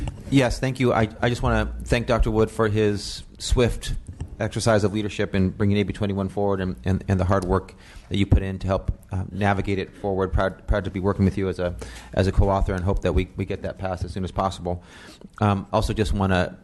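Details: Adult male speaker; normal speech.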